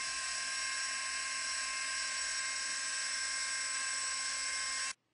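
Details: Jeder drill in a minimally invasive hydraulic maxillary sinus lift, drilling until the bone is perforated: a steady high-pitched mechanical whine for about five seconds, then stopping.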